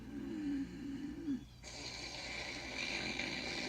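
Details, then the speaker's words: Acted, comic snoring by a puppet storyteller in a children's TV story ("Snoring Beauty"), counted aloud: a low, rattling in-breath followed by a long, airy, whistling out-breath, an imitation of snoring, not real. "Look at this beautiful sleeping countess. And listen to her beautiful sonorous snores."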